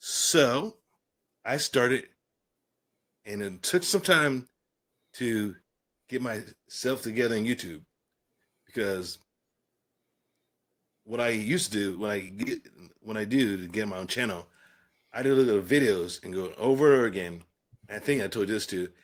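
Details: Adult man with aphasia following a stroke and traumatic brain injury, after a coma and later speech therapy; aphasia.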